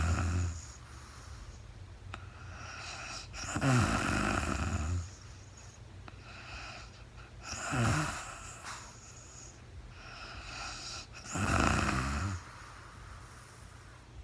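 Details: Real-time overnight recording of a woman sleeping, part of a four-hour recording, no talking: slow, rough snores on the in-breath, about 16 a minute, with quiet breathing between them; snoring during sleep.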